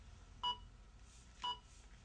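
Two evenly spaced short electronic beeps about one second apart from an AED trainer, the metronome that paces chest compressions.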